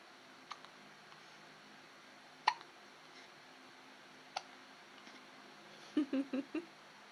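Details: Baby with hiccups: sharp, brief hiccup clicks about every two seconds, followed by soft baby vocal sounds in a quiet room; infant hiccups.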